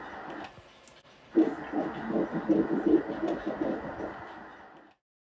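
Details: Fetal heartbeat on ultrasound at the first prenatal appointment, about 7–8 weeks pregnant, in a mother with fibroids and a previous miscarriage. Rapid whooshing pulses, about 160 beats a minute.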